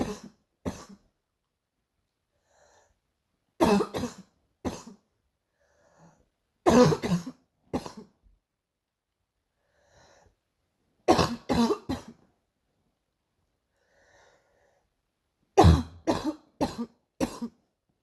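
Repeated bouts of two to four short coughs separated by quiet pauses, in a small room; a recurring morning cough.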